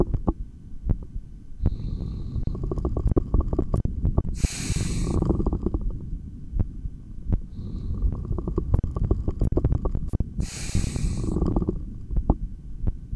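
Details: Gurgling, rumbling stomach growls (bowel sounds) heard through a stethoscope during a breath-hold recording session, with two brief rushes of breath noise.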